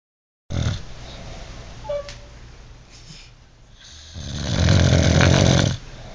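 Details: Adult man snoring: loud, harsh rattling snore on an in-breath after quieter breathing during sleep.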